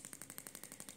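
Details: Shockmaster 300 Gymna radial shockwave, 20 mm head, 1.6 bar, 12 Hz, gel, on the back of the thigh for grade 2 cellulite, radiator pattern: rapid, even clicking pulses, about twelve a second, as the device fires.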